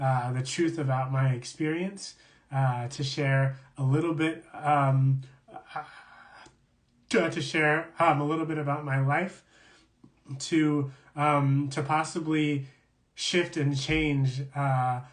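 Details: Adult man who stutters, speaking in a real live conversation for International Stuttering Awareness Day; stuttering.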